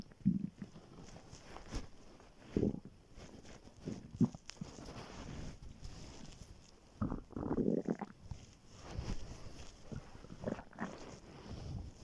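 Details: Morning on waking, very hungry: irregular low gurgling and rumbling bursts from an empty stomach; ordinary hunger growling (borborygmi).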